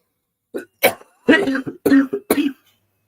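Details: Adult presenter whose voice is struggling, coughing during a live broadcast.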